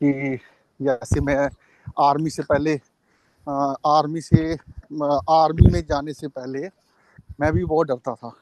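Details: Adult man who stammers and does daily meditation, yoga and deep breathing because of his stammering; stuttering.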